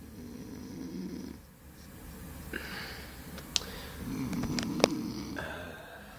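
Rough, rattling snores on the in-breaths, with some room noise and faint talk behind.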